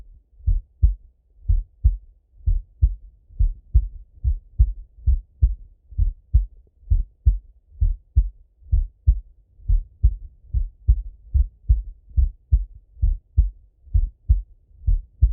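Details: Male full heart auscultation through a stethoscope: steady dull lub-dub thumps at about 65 beats a minute, no extra sounds; normal heart sounds.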